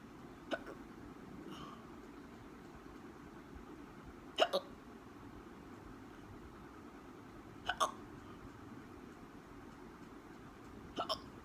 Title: Hiccups again